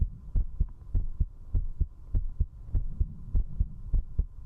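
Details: Strong, regular low heartbeat thumps at about 100 a minute with a steady background hum, recorded at zero distance on a 3Dio binaural microphone for heartbeat ASMR; a fast heartbeat while drinking alcohol.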